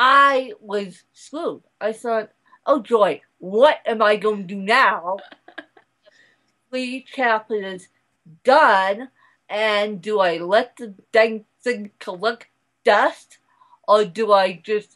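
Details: Adult woman speaking; mild dysarthria (cerebral palsy).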